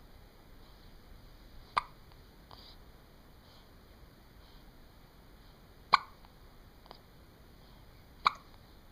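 Three sharp, brief hiccup clicks a few seconds apart over quiet room noise, a slow irregular run of hiccups.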